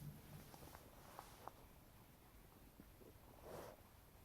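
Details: Abdomen after eating a bagel: soft clicks and a brief low gurgle; ordinary bowel sounds (borborygmi).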